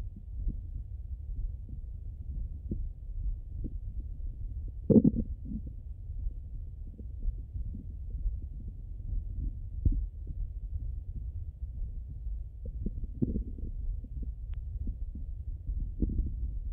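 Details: Stomach sounds when hungry and when full, heard through a stethoscope on the abdomen: low continuous rumbling with scattered gurgles and brief louder bursts; bowel sounds.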